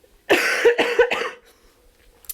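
A short run of three quick coughs in a quiet room, from an adult getting over a cold.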